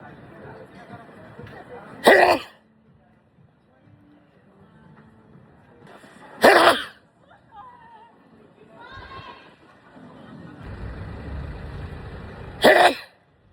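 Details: Sneezing: three sharp, explosive sneezes a few seconds apart, with quiet background sounds between them.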